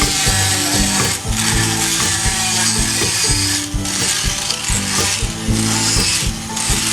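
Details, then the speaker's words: Power float filing a high front tooth in a 10–12-year-old Pura Raza Española horse during dental floating: loud, harsh, rattling mechanical grinding in repeated bursts. "he occlusal surface lightly, but we don't go smooth because you want to leave a rough surface so the horse can grind."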